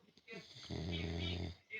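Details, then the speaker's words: One deep, rumbling snore lasting under a second, with a short, lighter breath before it: a person snoring. "как и вдруг Медведь и сразу зайка Ты храпишь"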